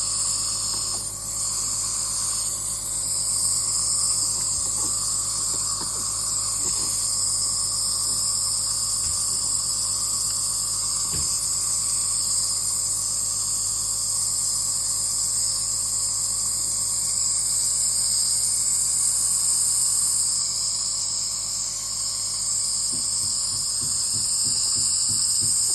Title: Nebuliser for common cough n cold #cutiepie